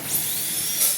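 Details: Dental drill during a pulpectomy on a child patient: steady high-pitched whine with hiss of the drill running.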